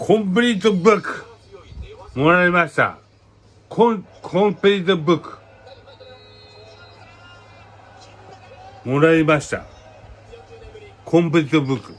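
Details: Aphasia after a cerebral hemorrhage, with hemiplegia, in a Japanese speaker reading news text aloud. Words are distorted and repeated.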